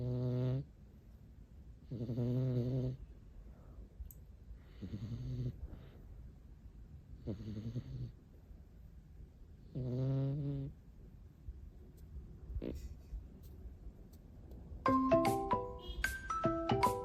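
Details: Sleeping rescue cat snoring: rhythmic low, buzzing snores about every 2.5 seconds, with brief music at the end; ordinary, harmless cat snoring.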